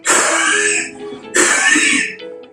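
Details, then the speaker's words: An adult imitates two forced breaths out with a whistling, musical tone, mimicking an expiratory wheeze, described as breathing out against a narrowed windpipe, especially in children: wheeze (imitated). "it's not that every time the person is coughing in that way and having that sound which is which comes when we are breathing out"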